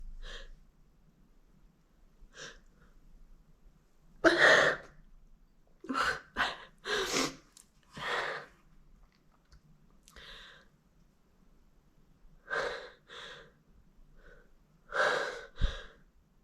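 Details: Pollen-season allergy sneezing: catchy build-up breaths, then several muffled, held-in sneezes with the nose pinched; stifled sneezing.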